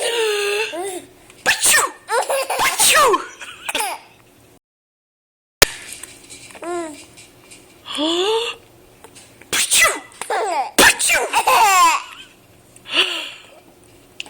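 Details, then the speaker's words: An adult sneezes several times in sharp bursts, and an infant giggles and laughs after each one; ordinary sneezing. "good I think he's gonna think it's hysterical when you sneeze"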